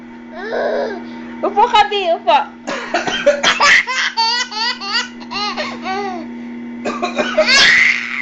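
Deliberate adult coughs alternate with an infant's bright, bubbly laughter, plus a steady background hum.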